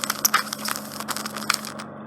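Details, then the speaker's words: Endoscopic microsuction of right ear with occluding soft wax, softened with Otex drops about a week, woman with past grommet: steady suction hiss with irregular crackling pops and clicks as wax is drawn out. "So just entering your ear now. It will be a bit noisy."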